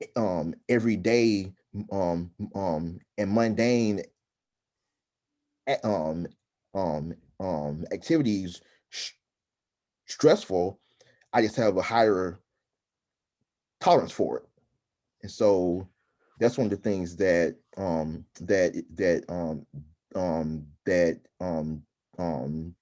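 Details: Adult man who stutters and is a stuttering support-group chapter leader, speaking in a real podcast interview; stuttering.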